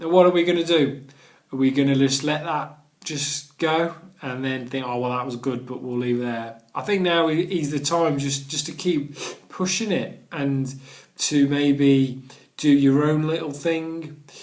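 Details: Adult man who stammers and has done the Starfish Project stammering course; word and phrase repetitions; stuttering.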